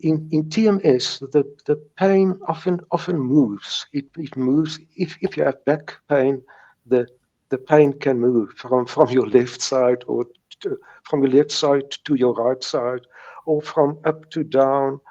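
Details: Stuttering since age three in a man in his 70s, with mild speech blocks that persist.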